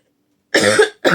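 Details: An adult woman who is sick and exhausted gives two short, harsh cough bursts after a brief silence in a quiet room.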